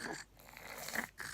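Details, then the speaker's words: Young child with a cough and cold: short snorting, congested breaths through a blocked nose, likened to Peppa Pig; nasal congestion. "sounds a bit like Peppa Pig listen listen do you sound like a pig Peppa Pig yeah got cold a little bit"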